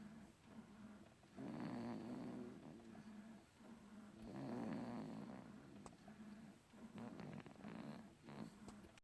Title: I'm not snoring😴😴😴